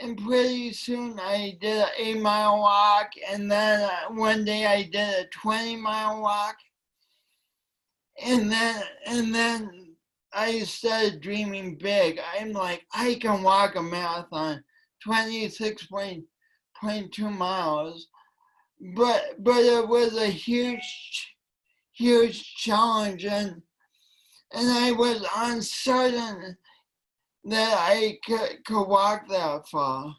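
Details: Dysarthria from cerebral palsy present since birth in a man, which he attributes to oxygen loss from a kinked umbilical cord; it affects his voice and coordination.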